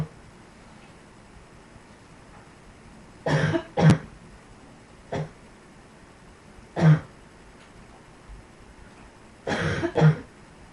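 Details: Dog coughing: several short, harsh coughs and hacking bursts, some in quick pairs, over about ten seconds against steady room noise; cough.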